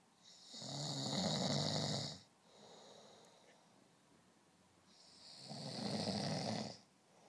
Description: A person in deep sleep.